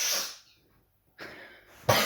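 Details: An adult coughing on purpose: a cough burst, a silent pause, a sniffing in-breath, then another sharp cough; acted coughs and sniffs.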